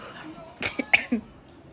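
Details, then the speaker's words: Short, light cough of a few quick bursts from a sick person who woke up with lower back pain and headache; mild cough. "I have lower back pain and my head hurts I have a little cough"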